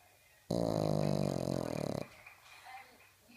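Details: Miniature beagle snoring very loudly in sleep, later starting to dream: one long, rattling snore of about one and a half seconds, then quiet breathing with faint room noise.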